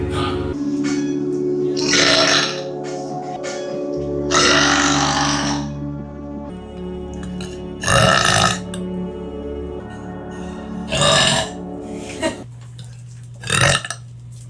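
About five loud, drawn-out belches at irregular intervals over steady background music.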